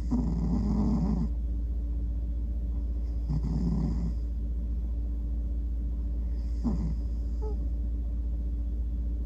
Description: My cat sometimes snores when he falls asleep. It sometimes sounds like he is tooting a little horn lol.